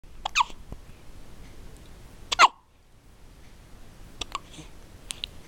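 Sudden sharp hiccup sounds, three or four in a few seconds, at irregular intervals.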